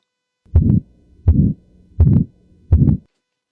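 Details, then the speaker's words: Heart sound at about 83/min: a sharp first sound, then a harsh rushing systolic ejection murmur in an aortic stenosis pattern. Said to be what a doctor would call aortic stenosis, though the same sound may come from a healthy anxious or stressed person. "आपने जो अभी सुना दिल की धड़कन की आवाज एक डॉक्टर अगर यही आवाज सुनेगा तो बिना हिचकिचाहट के बोल देगा यह तो एओटिक स्टेनोसिस है।"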